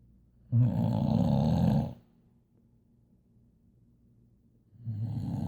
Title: Boxer baby sleeping on her couch #snoring